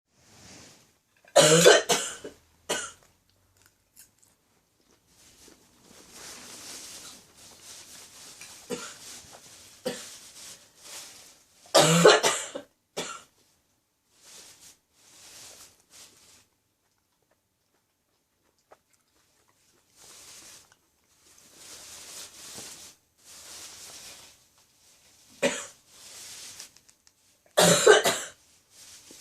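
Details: Adult woman's persistent ongoing cough, described as gone tickly: repeated harsh cough bursts in small clusters with quiet breathing between.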